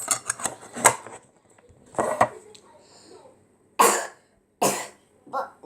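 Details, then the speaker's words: A child imitates her own cough after feeling sick and coughing badly the night before: a run of short, harsh, dry cough bursts in a small quiet room. "She was feeling sick last night. Yeah, I was gonna be sick because I was coughing really bad."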